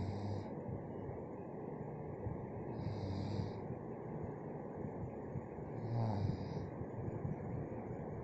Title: Kharrate aana ke reason 🔥🔥🔥| खर्राटे | Snoring